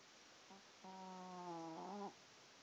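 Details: Snoring: a short hum, then one long, steady, buzzy tone with a slight pitch shift over one breath in a quiet room, a whistling snore.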